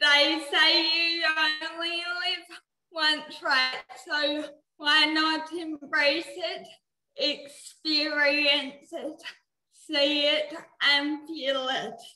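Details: Dysarthria in a 19-year-old woman with cerebral palsy, which she says affects her mouth muscles; she could not walk or talk until age eight.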